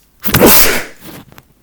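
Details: Single loud, forceful adult sneeze, a sharp burst of air fading over about half a second, during a low-voiced ASMR product review.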